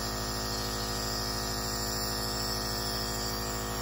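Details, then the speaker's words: Nebulizer compressor running: continuous loud motor buzz with fast pulsing rattle from a home nebulizer during a face-mask breathing treatment, patient told to breathe in and out through the mouth. "then you're going to put the face mask back on you're going to turn the machine on"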